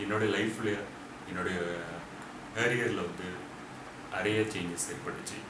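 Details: Stuttering in an adult Tamil-speaking man who has stammered since childhood, with fluency improving through ongoing speech therapy, including good changes within the first 100 days.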